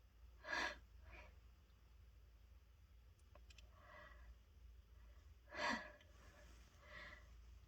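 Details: Person stuffed up from a cold sneezing after taking a dose of chhinkni: two sharp sneeze bursts about five seconds apart, each followed by a short breath, with quiet room noise between, repeated sneezing.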